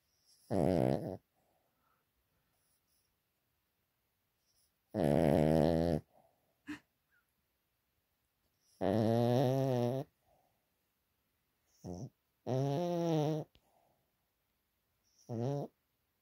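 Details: Sleeping pet dog snoring loudly, whose owner may have a vet check that he is breathing properly: several rattling snoring breaths with short snorts between, in a quiet room.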